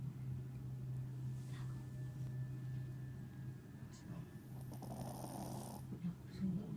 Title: THE DOG IS SNORING 💤VLOG2#justforfun